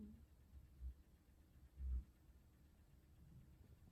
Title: 고양이 코고는 소리 🤦‍♀️ Snoring Cat 🐱